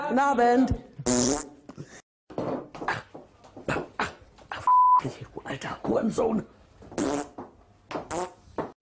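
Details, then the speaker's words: Vocal tics in a person with Tourette syndrome who tries to suppress them in public, not always successfully: sudden bursts of voiced noises and raspberry-like sounds. "auch die vokalen diese versucht in der öffentlichkeit zu unterdrücken was aber nicht immer klappt"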